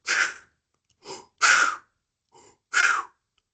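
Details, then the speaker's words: Spoken imitation in a respiratory exam lecture of harsh, hollow, loud two-phase blowing breaths, louder on expiration, over a probable pneumonia and lung consolidation: tubular bronchial breathing (soplo tubárico). "Y se ruido en dos tiempos fuerte, grosor, ese paciente está presentando un soplo. Eso se llama soplo tubárico."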